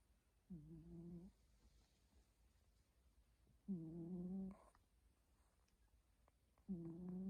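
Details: Slow, regular buzzing snores, about 20 breaths a minute, from a sleeping cat against quiet room noise.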